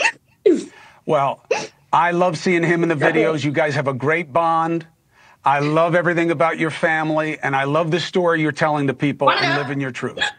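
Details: Adult speaker; ordinary fluent speech.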